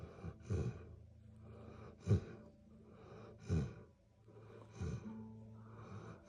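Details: Sleeping black Labrador snoring: repeated noisy, rumbling breaths in a steady rhythm, with low fluttering between louder snorts.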